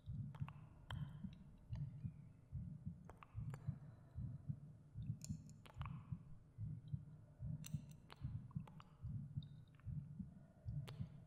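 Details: Binaural ASMR meditation recording of the narrator's own heartbeat: soft, steady low thumps about 74 beats a minute with faint breathing and light echo effects for relaxation and sleep; normal heartbeat.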